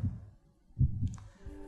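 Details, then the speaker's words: Normal human heart sounds: low, soft lub-dub thumps of first and second heart sounds, no murmur; normal heartbeat. "today I'm going over the anatomy of the human hearts and also explaining why your heart makes this sound"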